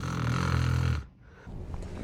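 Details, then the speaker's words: Snoring example from a report on snore types: low-pitched, steady-rhythm snoring with almost no pauses may be harmless nasal-allergy snoring, while loud-soft irregular snoring suggests partial airway obstruction. "不同的鼾声临床意义大不同，比方说声音比较低，节奏很固定，中间几乎没有停顿，可能属于鼻过敏类的无害鼾声。但要是忽大忽小，节奏混乱，代表有部分的呼吸道堵塞，需要留意。"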